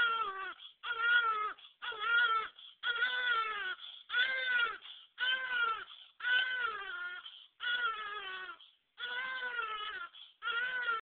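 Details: Rhythmic crying from a baby born a few days earlier, about ten cry bursts separated by brief in-breaths; a clear, steady, ordinary newborn cry.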